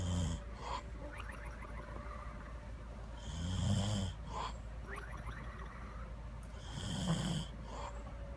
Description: Funny snoring, funny snore